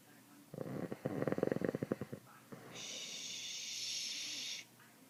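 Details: Loud snoring from a sleeping dad: a rapid fluttering, rattling snore on the breath in, then a long airy hiss on the breath out; it gets louder than this.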